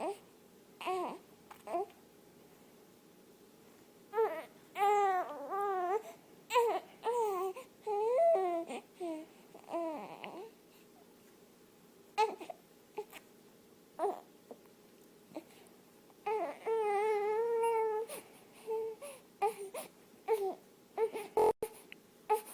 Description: just a cat soothing a crying baby back to sleep, pets are so wonderful i hope this brings a smile to peoples faces.